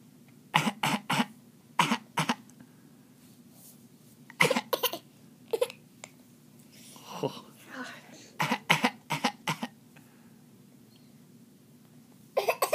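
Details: 8-month-old infant making short, deliberate cough-like bursts in clusters: a playful fake cough, not illness.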